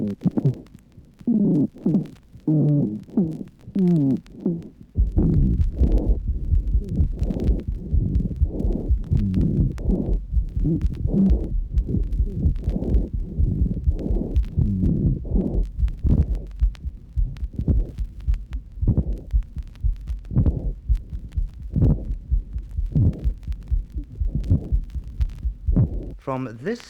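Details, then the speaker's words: Bronchial asthma chest recording with altered inspiratory/expiratory ratios: musical, whistling expiratory wheezes and sibilant rhonchi over a rumbling chest, reflecting bronchial contraction and mucus hypersecretion. "listen now to the intermixture of changes in inspiratory expiratory ratios sibilant rhonchi and expiratory ways"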